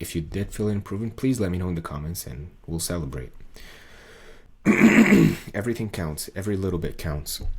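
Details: Adult male with muscle tension dysphonia, diagnosed by an ENT via laryngoscopy in late 2022; this is a recording from before 2023, when a 40-second video took him about 45 minutes to record.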